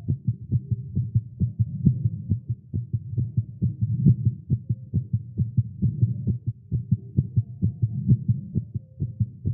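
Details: Male heartbeat recorded live after exercise and caffeine: rapid, fairly regular low thumping at about 130 beats a minute, a fast heartbeat (tagged irregular heartbeat).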